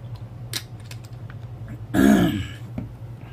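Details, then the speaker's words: Adult with a cold and raspy voice after little sleep; a single short, rough throat-clearing sound against low room hum and faint tapping. "you hear me clearing my throat and coughing and whatnot I apologize"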